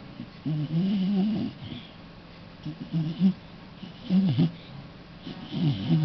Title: Bebe Snoring ZzZzz